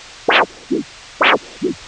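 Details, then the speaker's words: Handheld Huntleigh Dopplex Doppler of the lower-limb arteries at the ankle, posterior tibial (possibly dorsalis pedis): regular strong, sharp whooshing surges, each followed by a softer return, about 65 a minute; normal triphasic arterial signal typical of healthy legs. "Again, a triphasic signal is typically found in healthy legs. The shape of this waveform may also be influenced by arterial disease in these and other surrounding arteries. The posterior tibial also produces a strong triphasic signal."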